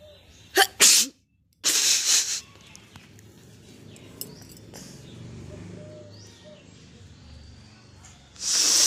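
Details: Sneezing-challenge recording: several sharp, explosive hissing bursts, quiet room noise, then a final burst; repeated sneezing.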